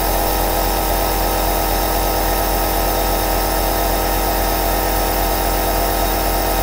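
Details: Two aerosol nebulizer compressors running together continuously: a steady mechanical hum with a fine rapid buzz and a constant whine.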